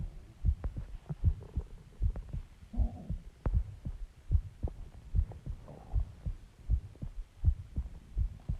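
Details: Steady, regular low thumps of an adult's own heartbeat at about 80 beats a minute with faint background rumble, recorded after eating eggs and ice cream and drinking Coke: normal heartbeat.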